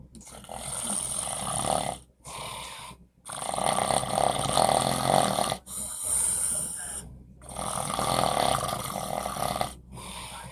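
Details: Loud snoring from a sleeping man, louder than the TV, recorded by his bed partner; he denies snoring.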